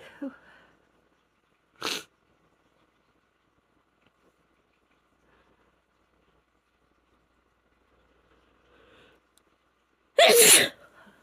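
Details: Female with a stuffy head cold sneezing: a small stifled sneeze, a long pause, then a forceful full sneeze in a quiet room.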